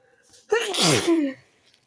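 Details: Person in bed trying to sleep, sneezing fit began after turning onto other side; single sharp, explosive sneeze after brief intake of breath, quiet room: sneeze.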